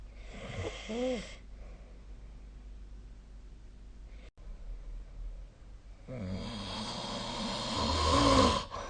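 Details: Snoring during sleep: two loud rough snores with a quiet stretch of breathing between them, in a small room.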